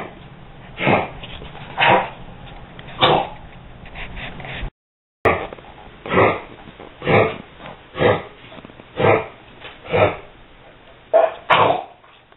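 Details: An 11-year-old dog, coughing multiple times a day for a few days, gives a run of about eleven short, harsh coughs, roughly one each second; cause unknown, owner fears heartworm or heart disease; dog cough.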